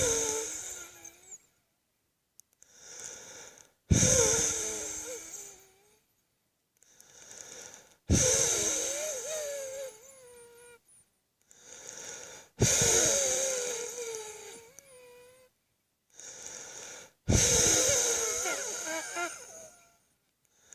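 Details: Close-up recording of own chest wheeze before a wet coughing fit: repeated breaths with high musical whistling tones on exhalation; wheeze.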